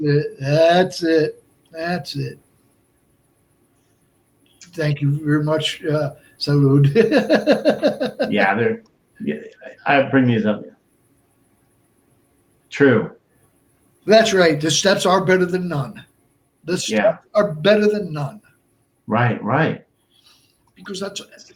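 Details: Adult man, stroke survivor and heart transplant recipient, with Broca's aphasia for over 8 years since a stroke in March 2011; speech limited to short utterances, laborious word-finding, verbs harder than nouns; Broca's aphasia.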